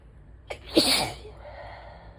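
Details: Adult during a suspected allergy attack, with stuffy nose, sore throat and chest symptoms of asthma for days: a single forceful sneeze with a sharp intake of breath before it, then quiet. Sneeze.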